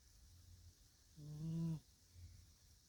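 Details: Single low, buzzy snore on one breath, then quiet breathing noise; snoring in a sleeping cat.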